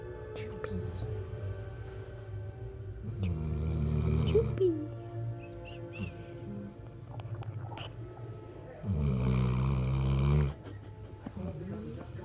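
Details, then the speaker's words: Big black puppy snoring while asleep: two long, low, rumbling snores with quieter breathing and room noise between them. "He's snoring."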